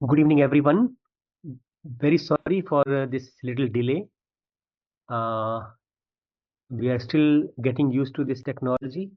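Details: Adult male speaker; typical speech.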